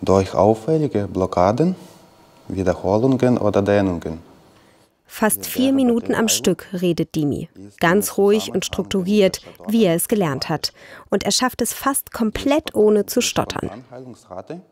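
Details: Adult woman speaking; normal speech.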